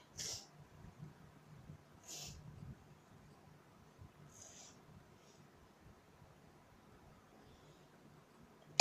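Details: Early-morning sneezing fit: two sharp, hissing sneezes a couple of seconds apart, then a softer third, against quiet room hum.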